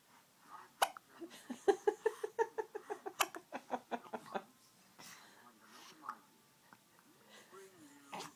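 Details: Hiccups.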